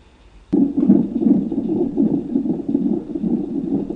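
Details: Rapid, whooshing, rhythmic pulsing of a fetal heartbeat picked up by a handheld fetal Doppler.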